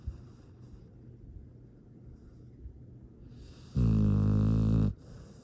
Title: Astrid! This makes me happy. Sweet snoring. Happy sounds. TracysPaws